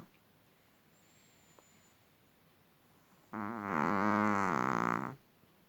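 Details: Sudden, explosively loud snore from a small sleeping long-haired Chihuahua; a single rattling, buzzing snore of about two seconds after quiet breathing. The owner says a vet found nothing wrong. Snoring.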